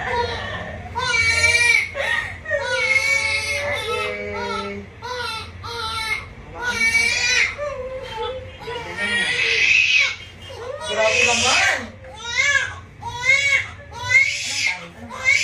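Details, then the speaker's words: A newborn baby boy crying loudly just after a vaginal delivery: repeated high-pitched wails with gasping pauses, adult voices in the background; a normal, vigorous newborn cry. "Joy papayakin natin galing. Iyak na malakas kasi si mommy umiiyak na."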